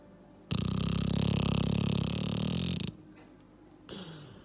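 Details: A loud, low, rattling snore lasting over two seconds on one breath, then quiet: snoring in a pet during a nap.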